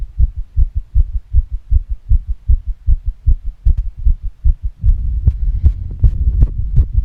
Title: fast female heartbeat with heavy breathing